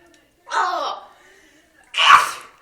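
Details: Sneeze attack: a voiced, drawn-in 'ah' followed by one sharp, explosive sneeze.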